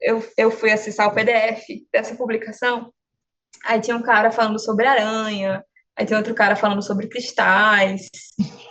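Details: Adult woman speaking Portuguese; ordinary speech.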